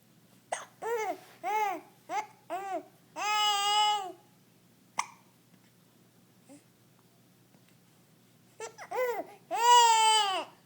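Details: Person talking while having hiccups: short voiced sounds each broken off sharply, in a run with one longer held note and a faint click between runs.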